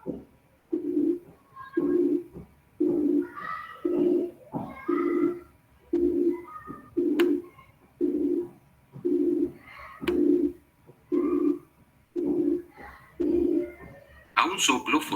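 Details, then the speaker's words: Simulated high-pitched blowing murmur made from a narrow frequency band around 360 cycles: repeated soft, narrow-toned whooshes about once a second, resembling mild mitral or aortic regurgitation murmurs. "tan solo por una estrecha banda de frecuencias alrededor de 360 ciclos, lo denomino soplo soplante de tonalidad alta. Y este se parece a los soplos de insuficiencia mitral y de insuficiencia aórtica, cuando estos no son demasiado intensos."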